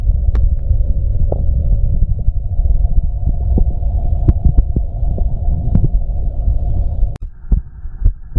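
Steady low thumping heartbeat under a constant hum, with faint gurgling of stomach growling.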